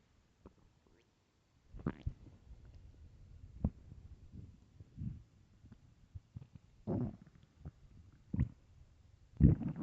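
Low rumbling groans and scattered gurgles from an empty, hungry stomach. This is normal stomach growling.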